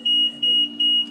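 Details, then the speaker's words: HFOV 3100A ventilator restarted after a patient disconnect: a loud, steady, high-pitched alarm repeating about every 0.4 seconds over a low machine hum. The operator calls it obnoxious and usually silences it. This is a disconnect alarm. "really obnoxious alarm so I usually silence that"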